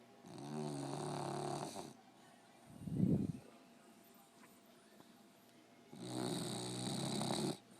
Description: My 1 year old puggle fell asleep in my lap and started snoring.